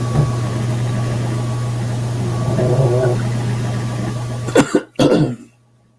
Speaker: what was that you hear that I coughed